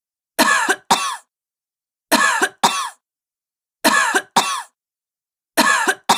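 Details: Sick woman coughing: repeated pairs of harsh, forceful coughs at regular intervals, about 35 coughs a minute, in an otherwise silent recording.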